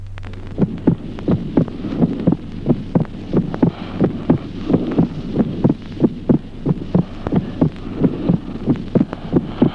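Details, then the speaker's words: Physiological split second heart sound on auscultation: regular heartbeat near 90 per minute, the second sound separating into two components only during inspiration. "Ejemplo décimo, desdoblamiento del segundo ruido cardíaco. Solo durante la inspiración se verifica la distribución del segundo ruido en dos componentes sonoros separados."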